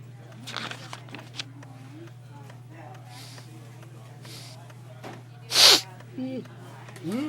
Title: A Sneeze (in the waiting room)